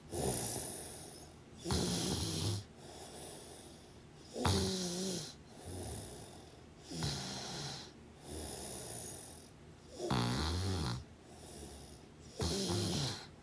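Loud, rough snores on each in-breath, about 23 a minute, with quieter breaths between: ordinary snoring during sleep.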